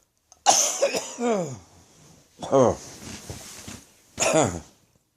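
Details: Harsh cough during a throat infection, a fit that left the person light-headed: three harsh, forceful cough bursts with rough, strained voicing.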